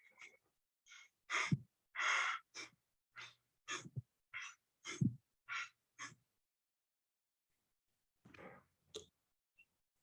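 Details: Tachypnea: rapid breathing, demonstrated as an example sound in a vital-signs lesson on breathing patterns.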